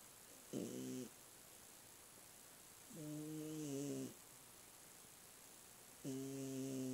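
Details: A resting cat snoring, giving three buzzy, humming snores at about 20 a minute over a quiet background.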